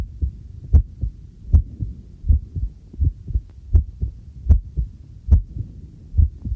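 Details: Heartbeat recorded on myself with a new homemade "field" stethoscope microphone on its first trial, during housework: regular low thumps at about 79 a minute, with faint tableware clinks behind; normal heartbeat.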